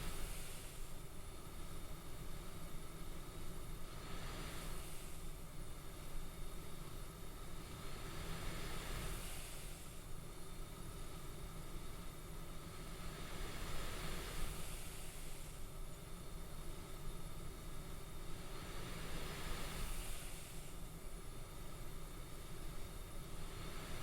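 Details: Steady low rushing hum with soft airflow surges about every five seconds, real CPAP machine airflow recorded during sleep.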